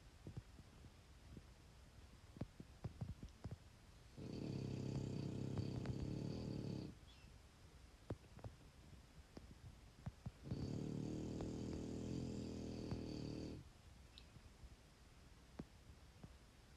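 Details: Loud snoring from the dogs and the husband: two deep, rumbling snores lasting about three seconds each, with quiet breathing between them and faint room noise.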